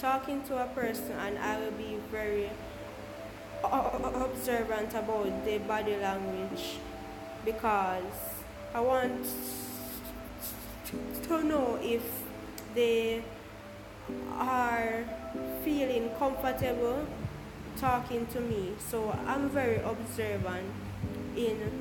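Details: Stuttering in an adult Jamaican woman who describes her own stammer.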